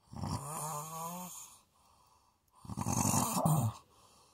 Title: ASMR snoring